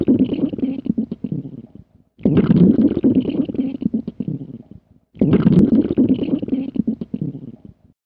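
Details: Sound-effect recording of stomach gurgling (borborygmi): three long bubbling, gurgling rumbles with brief pauses between them.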